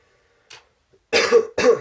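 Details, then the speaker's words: Two short, harsh cough bursts from an adult with a lingering cough after an RSV infection: post-viral cough. "You can hear I have a bit of a cough kind of coming off of that RSV infection, so I apologize for that."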